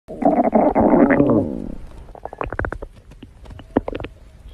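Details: Stomach growling (borborygmi): a long low gurgling growl followed by a run of bubbly pops and clicks fading out.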